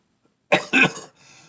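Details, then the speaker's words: Adult coughing with lung congestion he says has gotten better; possible lung infection not ruled out: cough with chest congestion. "Right as we speak, of course, you can hear that I've got a problem with my coughing, my lung congestion. It's gotten better."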